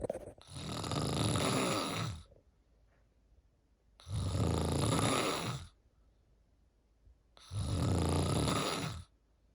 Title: PART 3 snoring…. Tell me what u think this one sounds like #cantsleep